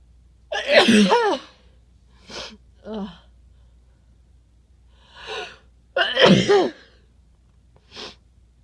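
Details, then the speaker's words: Adult says they need to sneeze, then gives two forceful, voiced sneezes with quieter sniffs and breaths between them. "Oh, I gotta sneeze. Oh."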